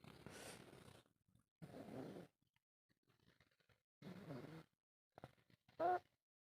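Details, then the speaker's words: A young child snoring while napping. "तो जनाब finally जो है वो मैं सो के उठ गई हूँ और आप के जो है वो खर्राटे सुन सकते हैं। तो ज़रा सुनते हैं इनके खर्राटे।"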